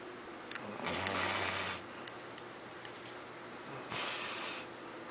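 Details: Two rough, rattling breath sounds about three seconds apart from a Labrador sleeping deeply after a busy day, slow to wake, with quiet room noise between: snoring.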